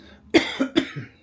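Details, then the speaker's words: Two quick cough bursts close together from an adult man with a croaky voice, in a quiet indoor room; cough. "Okay, so now I've got a croaky voice, so you'll hear me coughing sometimes, so I apologise for that."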